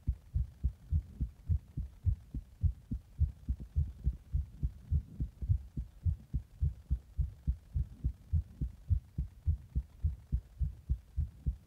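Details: Regular, strong double heart sounds about 105 beats a minute, recorded after drinking Monster energy drink in the bath and then applying compression; rapid heartbeat.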